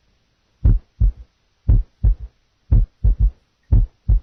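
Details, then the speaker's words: Simulated heart at about 58 beats a minute, first S1 and S2 alone, then a soft, low third heart sound (S3, ventricular gallop) added right after the second sound. "listen now to an s3 initially only s1 and s2 will be heard then s3 will be added"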